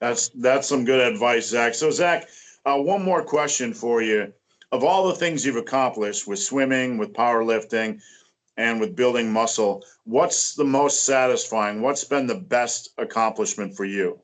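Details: Adult male speaker; typical speech.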